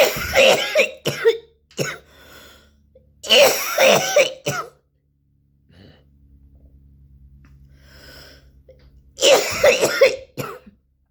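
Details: An adult coughs in three or four loose, wet bouts, clearing phlegm: productive cough.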